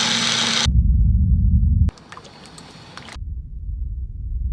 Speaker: His world is now full of meaningless noise, with the same muffled, underwater sounding noise now taking over his life, from going and taking a shower and blending a smoothie. It all sounds the same.